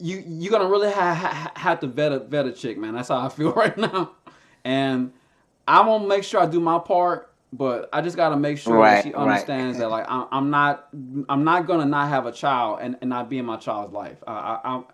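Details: Stuttering in a man who describes stuttering as a challenge for him.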